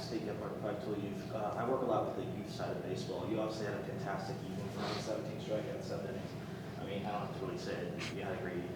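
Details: Adult male speaker; normal voice.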